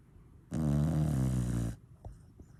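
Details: Dog asleep while the owner is awake, with a plough-like snore: a single loud, low, rattling snore lasting over a second.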